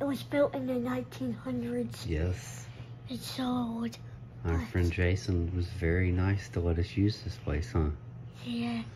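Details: Adult speaker; typical adult speech.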